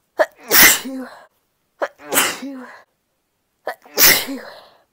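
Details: Female sneezing repeatedly: three sneezes, each with a sharp in-breath, an explosive burst and a short voiced trailing sound.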